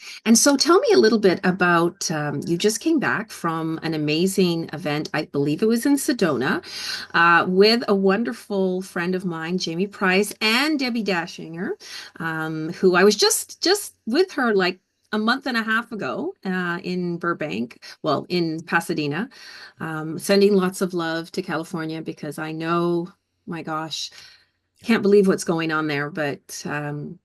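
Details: Adult woman speaking; ordinary speech.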